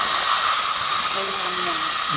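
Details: Steady high-pitched whine with hiss from a dental implant drill (Densah bur, osseodensification tapping/cutting) preparing upper molar implant sites for crestal internal sinus bone graft in a woman in her late 60s.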